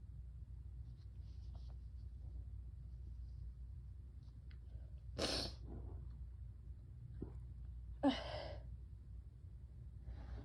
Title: 11/21 - bronchitis sneezes pt 1, plus BIG NEWS IN DESC - FACE REVEAL